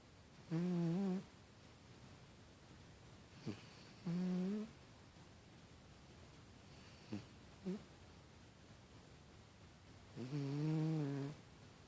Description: #1 loudest snoring cat in USA